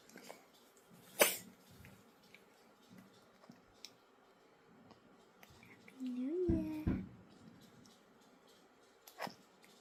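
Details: Coughing from a sick baby while sleeping.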